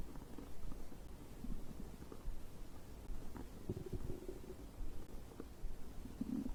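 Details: Stomach growling recorded after drinking a beverage: low, continuous rumbling with scattered gurgles, ordinary digestive bowel sounds.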